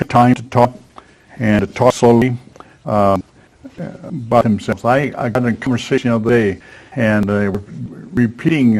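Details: Man aged 73 at his stroke, with post-stroke aphasia, a former professional attending an aphasia conversation group for support and communication practice; real patient speech showing aphasia.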